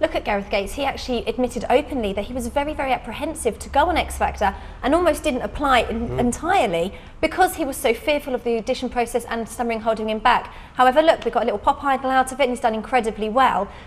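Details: Adult woman, TV presenter; normal fluent speech.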